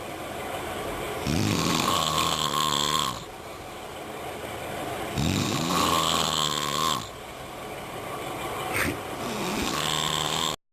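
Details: Snoring: loud, buzzing, fluttering noises on drawn-in breaths, three in about ten seconds, with quieter breathing out between.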